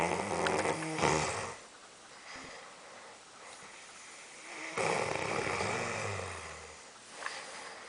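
Low rattling, snorting breaths repeating during sleep, with faint room noise. Dog snoring.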